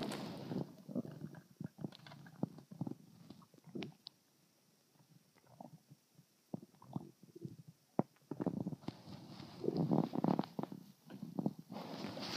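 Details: Abdominal tummy-noise recording: irregular gurgles, squelches and low rumbles, ordinary bowel sounds (borborygmi) of gas and fluid moving.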